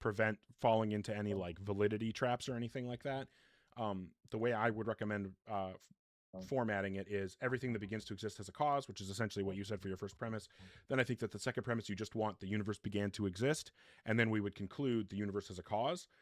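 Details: Adult man speaking; normal speech.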